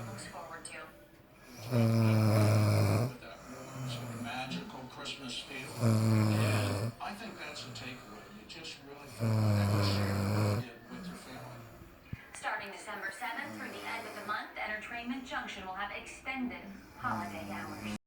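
Loud, low, rattling snores on inhalation, three in about ten seconds, with quieter breathing and some voice between them.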